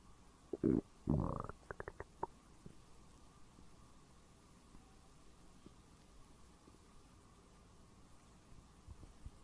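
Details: Woman's empty stomach after skipping breakfast and lunch, recorded around noon: brief burst of hollow, gurgling rumbles and squelches, then near-quiet; borborygmi (stomach growling).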